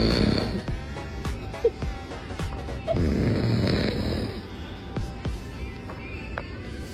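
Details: Dad snoring beside a baby: loud, rough, irregular rattling breaths with music playing over them.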